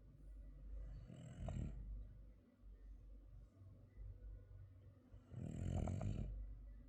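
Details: Frenchton dog asleep: deep rumbling snorts on each breath, with two loud rattling snores over low continuous breathing noise; snoring.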